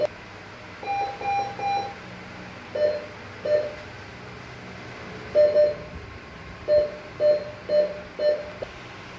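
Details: Repeated short electronic beeps at two pitches from a bedside ICU/CCU patient monitor during a demonstration, in a quiet room; patient monitor beeping.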